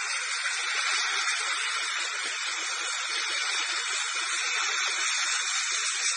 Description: Dental polishing procedure with Airflow stain removing.